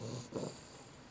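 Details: Sleeping dog snoring: a single low, rough snorting breath fading into quiet breathing.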